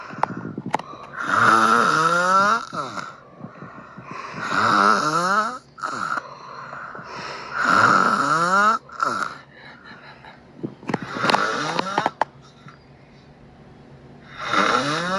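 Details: Person snoring: loud, rhythmic snores, roughly 20 per minute, each with a rough rattle and a squeaky, gliding tone, with quiet pauses between breaths.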